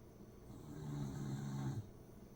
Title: corgi snoring away